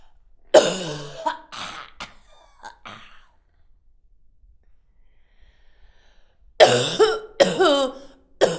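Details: Woman coughing, sometimes in a playful mood, recorded as a sound effect on a Zoom H5 handheld recorder in 16-bit stereo WAV; cough.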